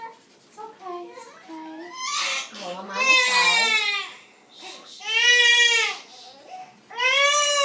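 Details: Newborn crying during a nursing newborn physical exam, around heart, bowel and lung auscultation: a few soft fussing sounds, then three loud, strong wailing bursts.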